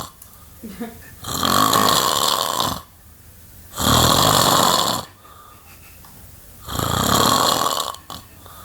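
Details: Sleeping adult man snoring heavily, January 2008: loud, harsh, rattling snores on each breath, about three in nine seconds, with quiet pauses between; the recorder wonders whether he nearly stops breathing at one point.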